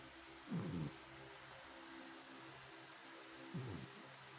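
Two short, low, gurgling snores about three seconds apart, over steady background hum: a dog snoring in its sleep.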